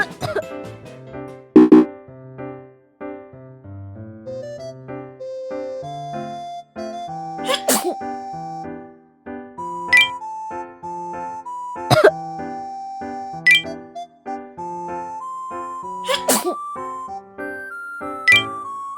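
Several sharp sneeze bursts over cheerful children's music.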